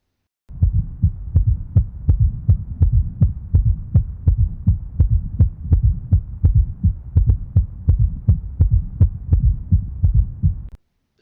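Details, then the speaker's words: Adult man with heart failure with preserved ejection fraction from cardiac amyloidosis (biopsy-confirmed): regular low heartbeats about 83/min, extra soft sound just before S1, heard at the apex with the stethoscope bell, an S4 gallop. "The extra sound in this case is near S1. And it's heard over the apex of the heart with the bell of the stethoscope indicating that it's an S4 gallop."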